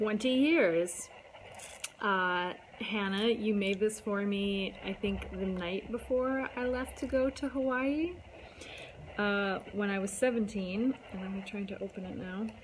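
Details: Adult speaker; normal speech.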